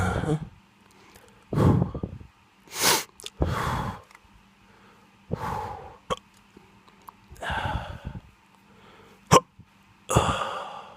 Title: Drunk hiccups